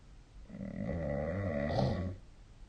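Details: One deep, rumbling, fluttering snore on a breath in: adult snoring during sleep.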